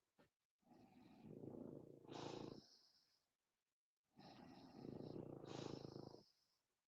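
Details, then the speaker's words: Sleeping dog snoring: two long, rough snoring breaths, each rising to a harsher rattling peak. "Anyone going to hear any snoring? Sound like a dog snoring. Yes, you can hear my dog snoring. So, Ron Ron is snoring."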